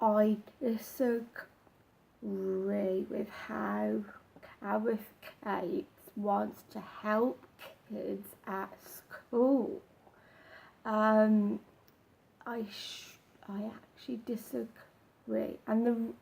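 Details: Man who stammers, more apparent when he does not practise and slips into old habits; stuttering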